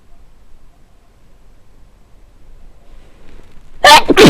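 A quiet lead-in breath, then one loud, sharp sneeze with a quick second burst at the end; sneezing with a cold.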